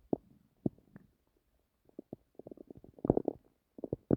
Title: I was trying to sleepbut my stomach had plans of its ownkept making noises so I decided to record it